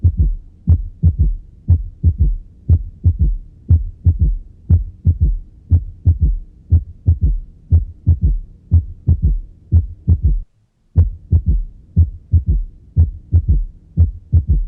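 Steady heartbeat near 60 a minute, each beat followed by a faint extra low thump just after the second sound: a third heart sound.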